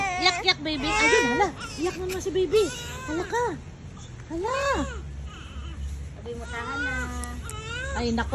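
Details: Baby cries in rising and falling wails with short breaks, an adult voice and room noise behind; irritated after something covered its eyes; ordinary infant crying.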